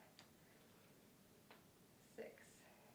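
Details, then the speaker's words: Adult doing overhead banded arm press-downs in an exercise routine: three brief clicks or pops over a quiet background, shoulder joint popping (crepitus). "can hear my shoulder popping."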